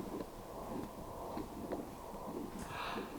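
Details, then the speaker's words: Horse in its mid-20s, echocardiographic Doppler of the heart: rhythmic whooshing flow pulses at about 38 a minute; murmur from mild pulmonic and aortic valve regurgitation, more aortic, not present all the time. "now you can hear the murmur I couldn't hear that that well with my"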